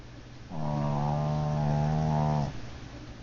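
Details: Snoring: one steady, low, droning snore lasting about two seconds during a single breath, with quiet room noise before and after, recorded on an Android phone.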